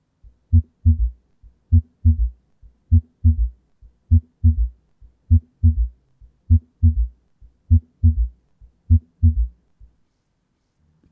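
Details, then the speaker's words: Teaching demo of a third heart sound (S3 gallop) from rapid early-diastolic ventricular filling: slow, regular heartbeat near 50 a minute with an extra low thud just after S2. "the S3 sound which is caused by rapid filling of the ventricles during early diast"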